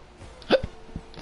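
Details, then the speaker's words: An adult who just got the hiccups gives a single sharp, abrupt hiccup, followed by a couple of soft low thumps over faint background noise. "Oh, fuck, I got the hiccups now."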